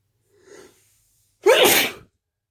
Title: Christmas sneezes